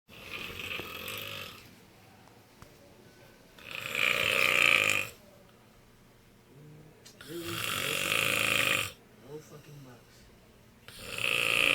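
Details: Loud, rasping snores in long bursts about every four seconds with quiet pauses, from a person who fell asleep while studying; ordinary snoring.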